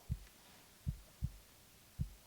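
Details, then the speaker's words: Soft, low, regular lub-dub heartbeats, two cycles at about 75 per minute, heard by stethoscope over the chest while the patient breathes normally; normal heart sounds in a simulated ASMR night-nurse full body examination. "I'm going to go ahead and listen with a stethoscope, and first I'm going to listen to your heart."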